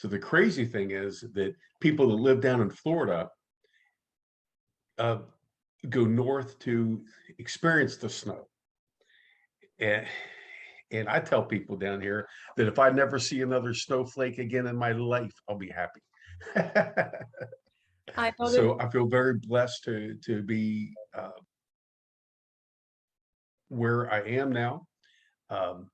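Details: adult man who stutters, active in stuttering support community for over 25 years; word and part-word repetitions; stuttering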